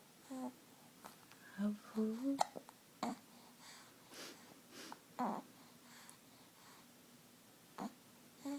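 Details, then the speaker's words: 6-week-old baby cooing softly, broken by several sharp, abrupt hiccup catches. "Oh, there goes the hiccups."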